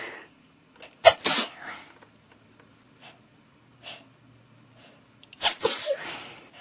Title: Really bad sneezing fit